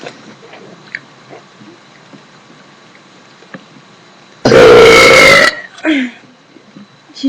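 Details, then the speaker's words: Young woman forcing burps by swallowing air: one long, loud, deliberately forced burp lasting about a second, followed by a shorter second burp. "is you got to swallow the air not just inhale some people say you got to inhale no you got to swallow it and then P it back up"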